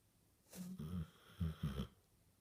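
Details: Basset hound snoring while asleep, apparently dreaming: a short breath followed by low, fluttering snorts; brief snoring.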